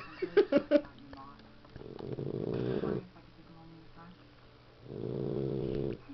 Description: 13 week old boxer puppy snoring after another rough day of being a puppy.